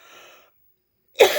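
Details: Adult woman with a chronic cough that won't go away; chronic cough.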